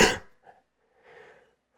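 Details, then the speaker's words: Adult with a cough trying to suppress it while recording a tutorial: one sharp, loud cough, then two quieter breathy sounds as the next cough is held back. "have a bit of a cough I'm trying not to cough but I probably will so if I sound like I'm pooping that is me trying to suppress a cough"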